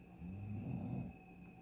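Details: Continuous heavy snoring recorded in a hotel room on vacation at 12:37 a.m.: one deep, rumbling, low-pitched snore on an in-breath, faint steady room hum behind it.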